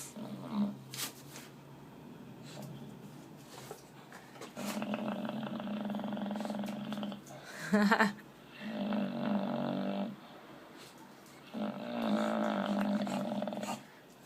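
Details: Bulldog shown on screen (watched by an 11-month-old English Bulldog) snoring heavily: long, loud, rumbling, growly snores in drawn-out bursts, about four in fifteen seconds.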